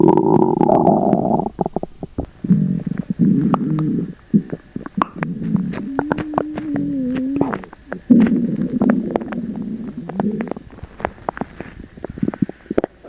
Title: Sugar free gummies attack! (Loud upset stomach noises)